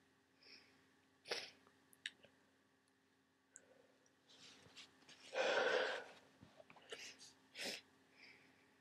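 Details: Several wet, snotty sneezes into tissues with sniffs between, during a head cold with swollen sinuses and worsening symptoms; a couple of stuck sneezes were deliberately induced.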